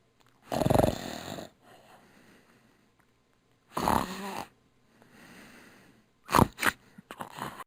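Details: Sound-effect recording of snoring: loud rattling snores on each in-breath with softer breathy out-breaths; snoring.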